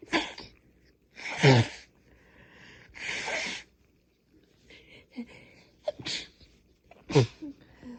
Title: Super congested nose blows and sneezes